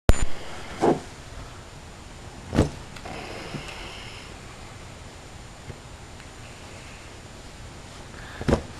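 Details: Three brief, buzzy snorts at irregular intervals over quiet room hiss, each a short rattling throat vibration, as a snoring man keeps someone awake who tries to wake him: snoring.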